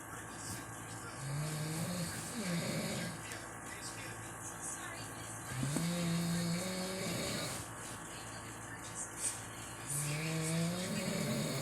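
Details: Snoring from a sleeping person: low, tonal snores rising in pitch, recurring every few seconds over steady room hum and background noise.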